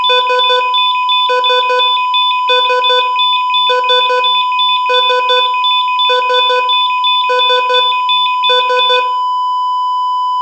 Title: EKG Sounds - Sound Effects|